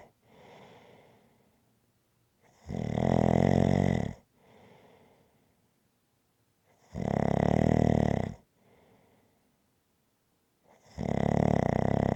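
Three loud, rattling breaths in with softer breaths out between them, about 14 breaths a minute; steady rhythmic snoring.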